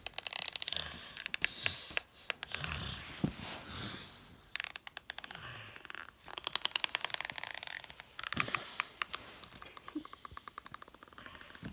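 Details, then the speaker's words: Person with Bohring-Opitz syndrome grinding teeth while awake, triggered when nervous or agitated: bursts of rapid gritty clicking and rasping, bruxism. "Sometimes I don't stop bruxism. The ordinary person does when sleeping, but when I'm nervous or agitated, I get bruxism."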